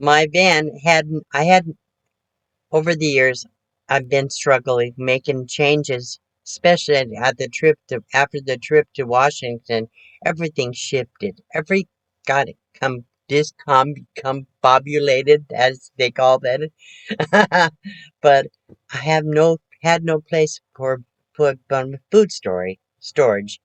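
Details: Aphasia with word-finding difficulty in a 72-year-old woman recovering from her second major stroke, which she says affected her thinking; speech improving, with repetitions and self-corrections.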